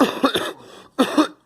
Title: Girl coughing